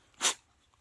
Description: Our cute sleepy puppy sleeping and sneezing herself awake!